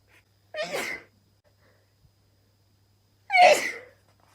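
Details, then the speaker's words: Woman sneezing after a COVID-19 self nasal swab test, blaming allergies: two sharp explosive sneezes a few seconds apart in a quiet room. "I feel like I have to sneeze. Alright, and then you put it in this test tube holder. My allergies did not like that."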